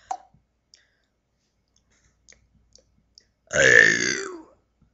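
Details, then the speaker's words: Deliberate burping by someone who can burp sentences: a few faint clicks, then one long, loud, gurgling burp lasting about a second. "um yeah that's me burping I can burp sentences if you want want me to"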